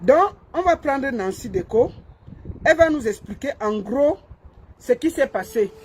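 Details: Adult speaker; normal voice.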